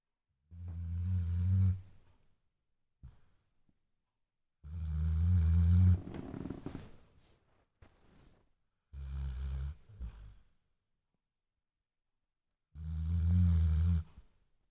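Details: Habitual heavy snorer whose snoring wakes the household: deep, rumbling low snores recurring about every four seconds, roughly 14 a minute, with long quiet pauses between.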